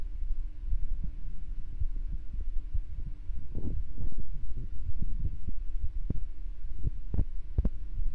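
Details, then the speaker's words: Soft, regular low heart thumps under a steady hum, recorded during a resting ASMR stream; the heartbeat is described as a bit low because the person is not pumped up. Normal heartbeat. "Well, yeah, so the heartbeat is a little bit low. It's because it's not pumped up."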